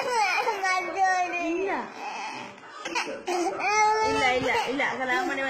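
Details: A young child cries in long wailing bursts with sobbing breaths after being told that Kalabhavan Mani has died; emotional crying, not illness.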